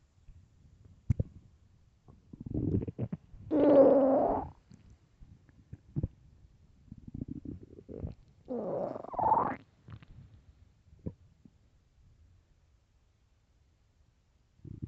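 Several gurgling, rumbling bursts of varying pitch, separated by quiet: ordinary stomach growls from gas and fluid moving through the gut.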